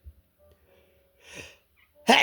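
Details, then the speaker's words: Adult sneezing repeatedly, recorded on purpose after waking up sneezy and blamed on bad allergies that day: a faint intake, then one loud, sharp, explosive sneeze. "Oh man, my allergies are really bad today. It's a lot of sneezing."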